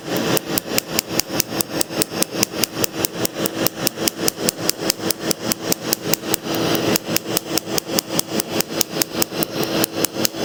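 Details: First laser tattoo removal session on an adult's chest tattoo: rapid, regular sharp snapping laser pulses, about two or three a second, with a short pause partway, as the patient breathes through it.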